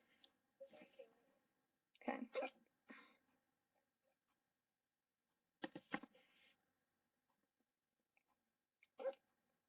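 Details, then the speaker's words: Person with hiccups while livestreaming, which they later report went away: a few abrupt, sharp voiced gulps at irregular intervals in a quiet room; hiccups. "God, I hate hiccups so much. Okay, once more people come in, I'll actually do something. And try to get rid of my hiccups."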